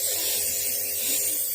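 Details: Child with cough and cold receiving nebulizer treatment, told to breathe normally: steady high-pitched motor hiss and buzz of a nebulizer compressor running continuously in a small room.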